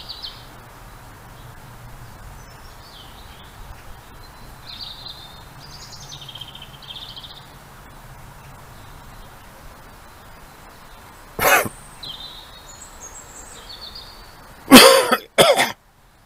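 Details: Outdoor birdsong, then about three short harsh coughs from an adult recovering from COVID-19; cough.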